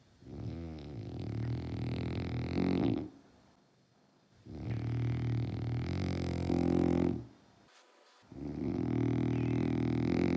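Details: French bulldog sleeping: loud, rattling snores, three long breaths with quiet pauses between; snoring.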